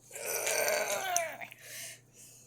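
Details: A single long, drawn-out throaty burp with falling pitch, then quiet breathy noise, during an attempt to drink a whole bottle of cherry Kool-Aid without burping.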